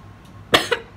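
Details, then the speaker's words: Cough from a person who describes a really nasty, painful, endless cough that makes them choke because they keep coughing. "a really nasty cough. It hurts. It's really painful. And it just keeps going. It's like endless. And I'm always choking because of it, because I just keep coughing"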